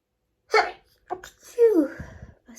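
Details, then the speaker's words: Short stifled sneezing fit: one stifled sneeze, quick catches of breath, then a second muffled sneeze-like burst. "i'm gonna sneeze sneeze and again two two"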